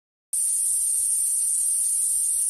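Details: Simulated tinnitus: a steady, high-pitched buzzing hiss that starts abruptly and holds without change, one of the common sounds of tinnitus.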